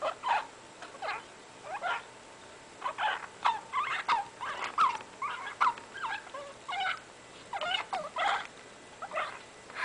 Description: Clip of my rat Muenster wheezing and sneezing on Oct. 22, 2008. He had lung abscesses caused by myco that took up most of his lung capacity, making it difficult for him to breath.